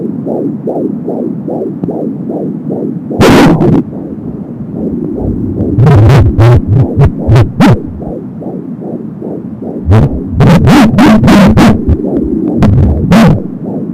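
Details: Fetal heartbeat at 16 weeks of pregnancy on an Angel Sound home Doppler: fast, regular galloping whoosh-thumps at about 170 a minute, with loud scraping bursts.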